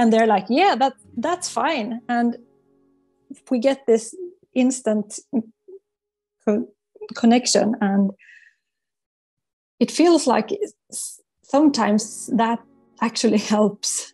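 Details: Adult psychologist who stutters, a client of a stuttering coaching program, with audible word repetitions; stuttering.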